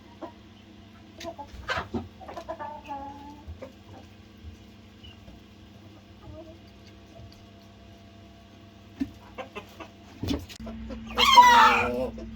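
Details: Sick hen on antibiotics that wheezes and stretches her neck; the owner notes she is wheezing and hissing: scattered odd clucks and squawks ending in a loud, harsh, raspy call, with a low hum behind.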